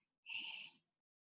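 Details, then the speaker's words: Simulated: a soft expiratory blowing murmur like a very soft "e", heard by stethoscope above the line of a pleural effusion; a single breathy, hissing, half-second exhalation imitating the pleuritic blowing murmur. "es un soplo que se da en el derrame pleural por encima de la línea del derrame ahí si nosotros ponemos el estetoscopio y oímos se escucha un soplo espiratorio que es como una e"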